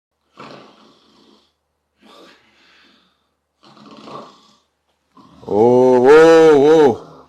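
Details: Loud snoring: three rattling, raspy breath noises in quick succession, then a long, loud, deep vibrating snort-like tone.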